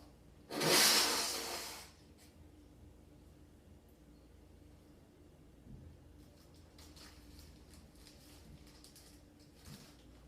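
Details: Sneeze while sitting: one sudden, loud, hissing burst of air lasting about a second, then quiet.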